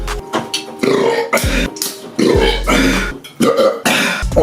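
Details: Kid's loud burps after chugging large amounts of soda and juice in challenges: a run of loud, long, voiced belches, about five in four seconds, with music behind.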